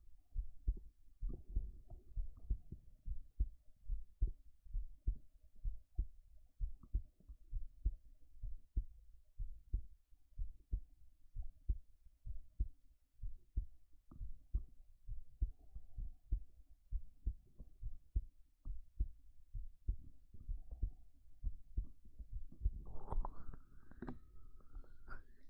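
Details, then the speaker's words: Steady, soft, low heart thumps at about 66 beats a minute; slow, unhurried resting heartbeat. "ゆっくりだ。今日も頑張って生きてる。"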